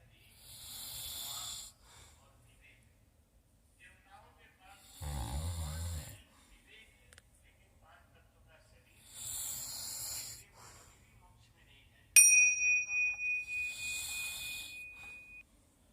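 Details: Night-time sleep recording for a test of an anti-snoring nose clip: four separate noisy breathing bursts a few seconds apart, one with a low rattling flutter, plus a brief beep; snoring.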